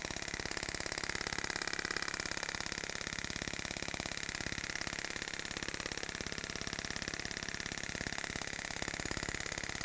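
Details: Storz Medical radial shockwave device with Spine-Actor transmitter: rapid, very regular clicking pulses, about 207 a minute, with steady background hum.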